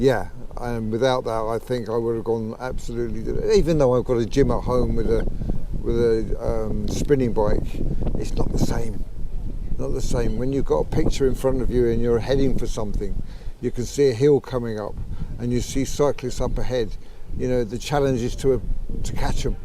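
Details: Adult man with Parkinson's disease for about 15 years, treated with deep brain stimulation; rare old-onset stammer began about 15 months earlier at age 63, possibly Parkinson's-related, worse when emotional, excited or talking fast; late-onset stuttering in Parkinson's disease.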